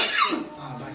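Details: Adult's single short harsh cough fading into quiet room noise, heard alongside hoarseness; person undergoing first voice therapy for full hoarseness and painful cough, now reportedly recovered.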